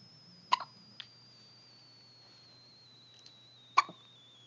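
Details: Two sharp, abrupt hiccups about three seconds apart in a quiet room with a faint steady tone.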